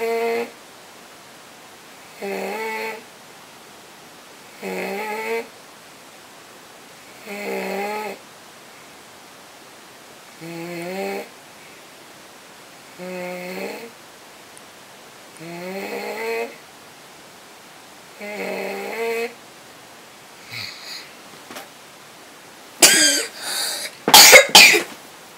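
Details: Stridor, loud noisy whistling breathing also called children's snoring: harsh, high-pitched whistling noise on each breath, about 24 a minute, from a narrowed upper airway.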